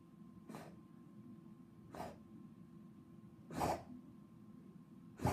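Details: Four short explosive coughs a few seconds apart over steady room hum.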